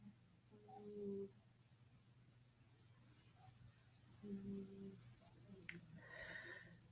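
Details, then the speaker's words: Soft, faintly whistling snore-like breaths from a resting pet cat, two breaths heard in a quiet room: cat snoring. "heard a cat snore that's what it sounds like"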